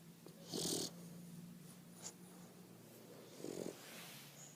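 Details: Bulldog snoring: short snorting, wheezy breath noises over a low steady hum; snoring in a flat-faced dog.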